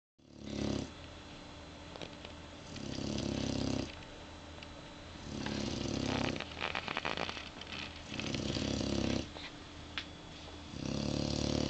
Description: dog snoring